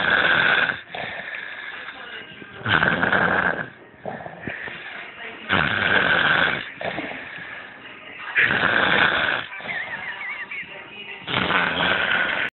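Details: Snoring from a person after too much working: loud harsh snores alternating with softer breaths, roughly 20 breath sounds a minute, on a thin-sounding recording.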